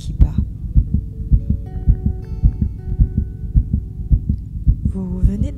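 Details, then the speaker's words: Rapid, regular, muffled whooshing thumps of a fetal heartbeat heard on ultrasound at a first scan, with soft music tones over it. "non c'est un coeur qui bat c'est pas un coeur qui bat c'est son coeur qui"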